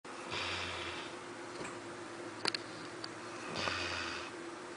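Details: Labrador snoring in deep sleep after a busy day, slow to wake: two slow, noisy breaths with a low rattling buzz about three seconds apart, faint clicks in a quiet room.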